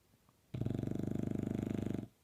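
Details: A bulldog snoring: a single loud, rattling snore lasting about one and a half seconds, with a coarse fluttering vibration in the airway.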